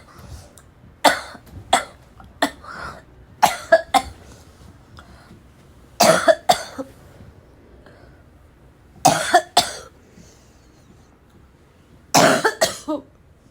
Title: choking on my cough